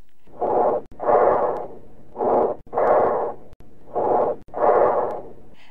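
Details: Bronchial breathing over consolidated lung: harsh, hollow breaths with long loud expiration and a clear gap between inspiration and expiration; stethoscope teaching recording.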